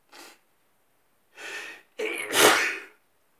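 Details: Forceful, slightly wet sneeze in bed in the morning, preceded by two quick sniffing in-breaths and a short gasp; sneeze.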